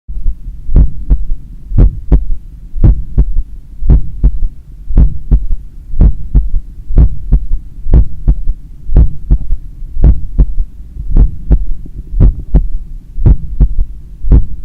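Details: Self-recorded after an 8 km run, stethoscope at the point of maximum impulse over the apex: a loud, regular heartbeat near 58 a minute with a low extra sound after the second beat, a third heart sound (S3).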